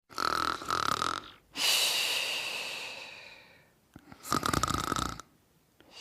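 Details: Snoring during sleep: rattling, fluttery snores on the in-breaths with a slight whistling tone, separated by a long, airy out-breath.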